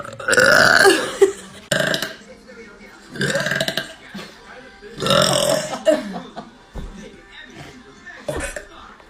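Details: Several loud, drawn-out voiced belches follow one another with brief pauses between them; repeated burping.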